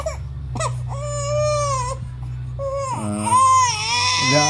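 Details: Baby crying out loud: strong rising and falling wails with brief catches of breath between them, over a low room hum; infant crying.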